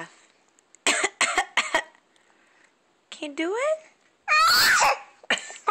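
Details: Child with a bad cough: three quick coughs, a strained voiced sound, then a loud harsh burst and one more cough.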